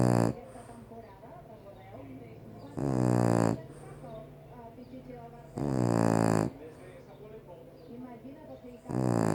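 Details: French Bulldog snoring: loud, rough, rattling snores about every three seconds with quieter snuffling breaths between.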